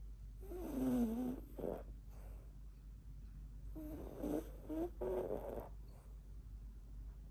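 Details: Loud snoring: two rattling snores on in-breaths, each followed by a shorter snort, over steady low room hum.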